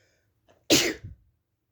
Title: Induced cold sneezes